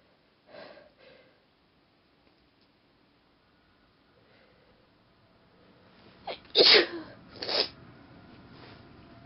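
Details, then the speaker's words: Self-induced sneezing: soft stifled sneezes and breaths, then one loud, forceful sneeze with a second close behind it. "Hello, I'm gonna induce some sneezes."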